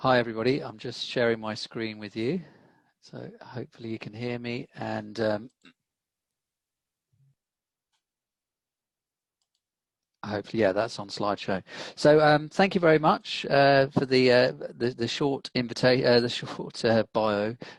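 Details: Adult male speaker; normal speech.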